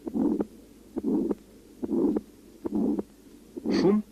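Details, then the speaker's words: Aortic stenosis: weakened first and second heart sounds with a harsh, coarse systolic murmur over the aortic area, radiating to the neck vessels, about 70 beats a minute. "марта льном спинозе наблюдается ослаблением первого и второго тона и грубый систолический шум на аорте проводящийся на сосуды шеи"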